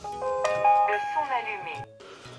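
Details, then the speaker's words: A home voice-enabled blood pressure monitor powers on for the first time after the right-side button is pressed, playing a short bright electronic chime melody. "alors pour le premier allumage vous allez appuyer donc sur le bouton côté droit une petite musique va se faire entendre"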